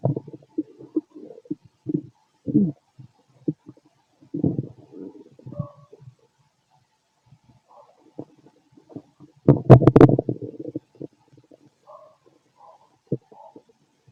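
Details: Irregular low gurgles and rumbles with a louder burst midway: active bowel sounds (stomach growling) from a fit adult male, heard through a stethoscope on the abdomen.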